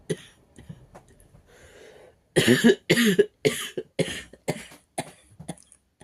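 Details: A child's run of about seven harsh, hoarse coughs in quick succession: a barking cough.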